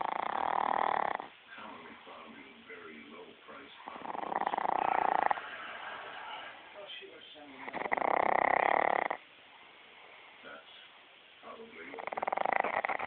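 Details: Pug snoring; loud, rough, vibrating snores repeating every few seconds with quieter breathing between, faint talk in background; snoring.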